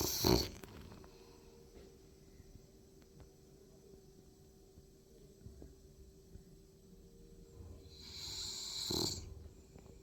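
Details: French bulldog in deep sleep: loud snorting breaths open and close the stretch, with soft rattly breathing between; very loud snoring.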